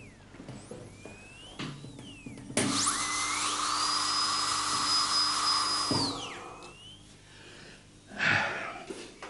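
A high-pitched whine rises to a steady scream and then winds down, with quiet room noise around it. A dental drill is running.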